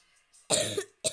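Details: Cough from an adult.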